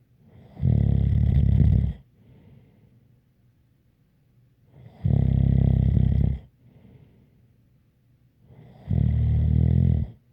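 Three loud, low, rattling snores about every four seconds with soft breathing between, roughly 15 breaths a minute; snoring.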